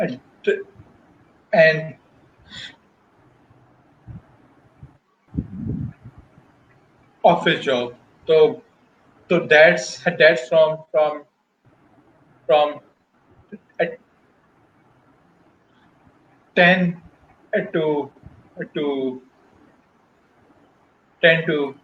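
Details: Stuttering in an adult male professional who stutters, speaking Hindi/Urdu about his life and career.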